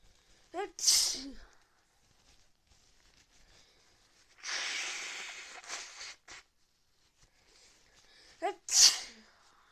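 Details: Person with fever after time outdoors in rain: two sneezes, each a quick indrawn breath then sharp explosive burst, with rushing breathy noise between; sneezing.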